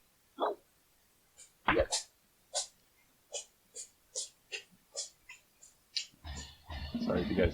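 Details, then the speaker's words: Pet cat: a rapid run of about ten short, sharp, hissing sneezes, with some background room noise at the end; sneezing. "My cat is sneezing. Salem, are you okay, buddy?"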